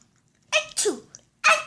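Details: Child's playful imitation of family members' sneezes: a sharp voiced burst with an 'achoo'-like release, then another burst; imitated sneezing.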